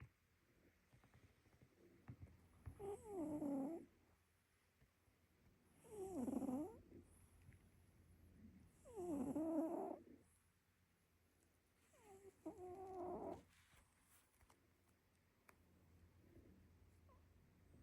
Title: The cutest cat snores